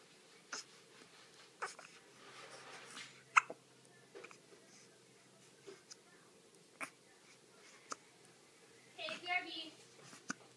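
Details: Repeated brief sharp catching sounds at irregular intervals, with a short vocal sound near the end; hiccups.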